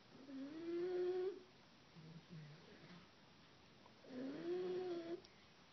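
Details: Female dog snoring heavily while someone tries to wake her: two long, rising tonal inward snores about four seconds apart, with a soft rattle between, in a quiet room.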